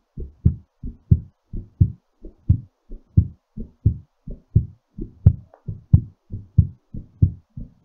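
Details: Clear, regular paired heart sounds at about 88 beats per minute, settling during recovery after exercise; normal heartbeat.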